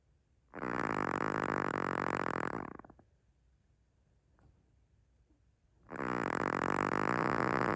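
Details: Chihuahua dog snoring: two loud, rattling, buzzy snores, each about two seconds long, separated by a quiet pause.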